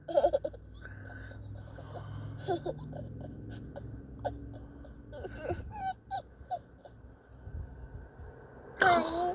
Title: Wednesday, Two Year Old Girl, Giggling at Mamaw Pretending to Snore